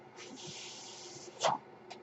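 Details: The speaker's own mechanical ventilator, audible while he talks: a steady airy hiss of about one second, then a short louder puff of air; one mechanical ventilator breath cycle.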